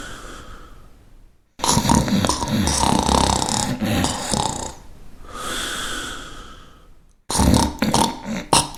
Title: Efecto de Sonido Ronquido / Sound Effect Snoring